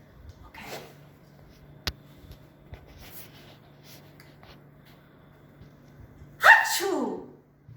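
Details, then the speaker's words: Simulated sneeze in a children's hygiene lesson, with water sprayed to show droplets: a single loud, acted sharp breathy burst trailing into a voiced 'achoo'; pretend sneeze. "Let's see what happens when someone sneezes in front of you. Okay, this is actually water and we are going to do pretend sneeze."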